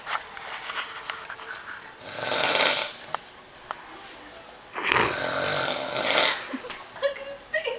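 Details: Drunk adult man asleep on a couch at 3am while others try to pull him off: two long, harsh, rattling snoring breaths a few seconds apart, with hushed voices and room noise nearby; heavy snoring.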